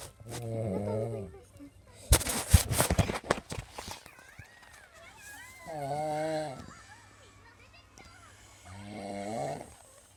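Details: Three deep, vibrating snores a few seconds apart from a sleeping mother described as drunk, with rustling and a voice in the background.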